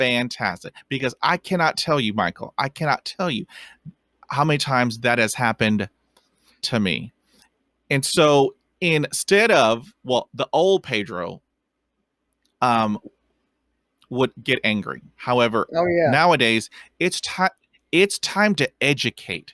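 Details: Adult man who stutters; finding: stuttering.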